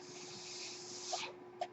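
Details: The speaker's own home mechanical ventilator, heard during podcast speech: a steady airy hiss with a faint constant hum, ending in a brief quieter pause.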